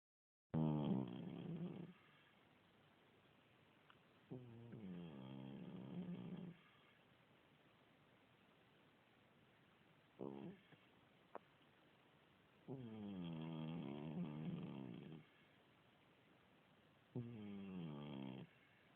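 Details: Cat about 16 years old with a continuous cold, snoring while asleep; four loud, rough snores on inspiration separated by quiet pauses.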